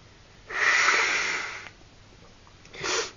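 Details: Recorded on a dare: a long airy nose blow into a hanky, then a brief second sniff or sneeze burst.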